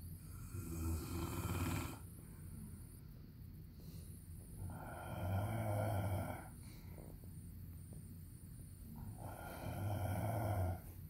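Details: Loud, rough, rattling snores on each inspiration, about 13 per minute, separated by quieter breathing, from a sleeping adult husband; snoring.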